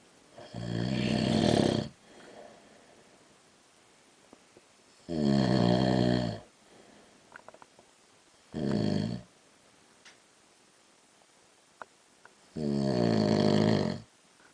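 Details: Husband asleep at night, recorded in the dark: four loud, rough, buzzing snores on the in-breath, roughly every four seconds, with quiet breathing between; heavy snoring that gets louder.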